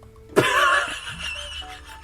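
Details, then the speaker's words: A single sudden, very loud adult woman's sneeze with a voiced burst that fades over about half a second, recorded during a podcast after a spoken warning; sneeze. "Girl, we know you had to sneeze. [ __ ] CHINA KNEW YOU HAD TO SNEEZE, [laughter] OKAY? EVERYBODY heard that."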